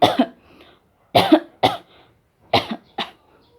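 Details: Nursing student demonstrating deep breathing and effective cough technique (deep breath, hold 1–2 seconds, strong spontaneous cough to expel sputum): five short, forceful coughs in clusters. Effective cough technique demonstration.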